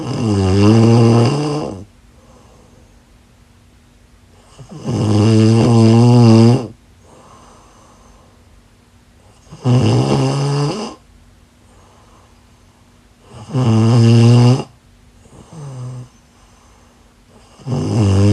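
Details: Heavy adult snoring during sleep: loud, droning snores on each in-breath at about 14 breaths a minute, with softer sighs out between them.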